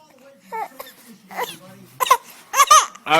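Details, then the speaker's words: Infant with hiccups, parent soothing ("don't cry"); short, fussy whimpering cries in broken bursts, building toward crying; infant cry. "I know I know don't cry don't cry all right all right all right all right all right mommy all right"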